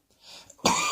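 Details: Single adult cough: a faint throaty sound, then one loud, harsh cough burst.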